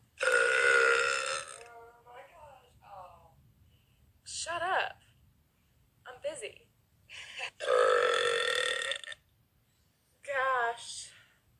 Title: Beautiful Girl Burping 1